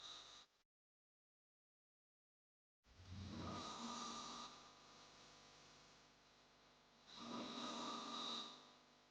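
Sound-effect recording of two long, harsh, rasping breaths after a brief silence, a hard snore.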